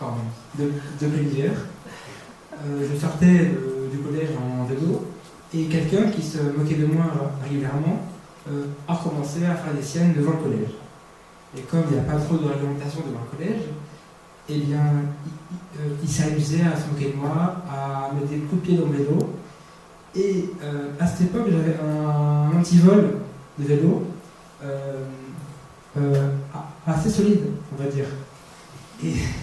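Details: Stuttering in a 22-year-old man who has stuttered since about age 5, roughly 17 years.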